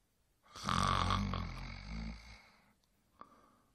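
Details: Adult male snoring during sleep: one deep, rough, vibrating snore on breathing in, lasting about two seconds, then quiet.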